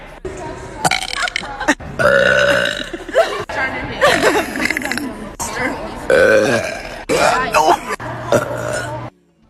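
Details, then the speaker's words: Repeated burping, hashtags suggesting a female burper: long, loud, drawn-out voiced belches one after another, with music and talk in the background. "your hey excuse me I didn't know I could do that"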